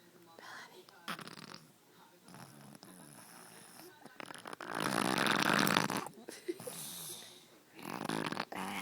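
Irregular rough, rattling breathing noises with a loud stretch of fluttering snore; quiet room noise. Snoring.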